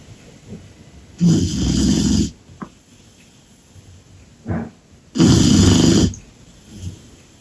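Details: Sleeping Cane Corso puppy after an exciting day: two long, loud, rasping snores with soft breaths between.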